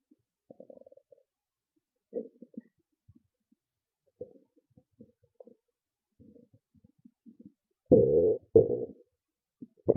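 Scattered gurgles, then two loud rolling growls near the end: ordinary stomach rumbling from gas and fluid moving through the gut.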